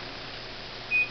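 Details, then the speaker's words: Hospira Plum A+ infusion pump during preventive-maintenance test, infusion nearly complete: single short high-pitched electronic beep; another pump idle two minutes has alarmed. "here we go we got a pump that's been in idle for two minutes so the alarm has sounded"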